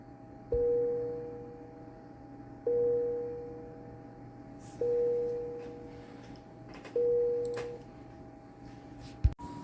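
Repeating two-part alarm tone about every two seconds over steady equipment hum; an intensive care unit alarm.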